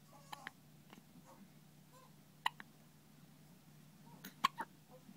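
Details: Hiccups: short, sharp, irregular hiccups, about 30 a minute, over a quiet room hum.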